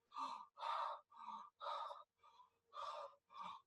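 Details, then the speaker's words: Imitated bronchial breathing for teaching: harsh, hollow, high-pitched breath sounds in repeated bursts with clear gaps, reflecting loss of the alveolar filter. "Bronchial breathing is very harsh and high-pitched. This is because alveoli are broken, they are dysfunctional, and there is stuff inside. And it's not filtering the high-pitched sounds."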